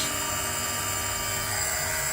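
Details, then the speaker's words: Steady loud buzzing hum of a running nebulizer compressor, no breathing or coughing audible, during nebulization of a skinny puppy with bronchitis and harsh cough; nebulizer running. "E aqui estamos fazendo meização nesse rapazinho que está com bronquite."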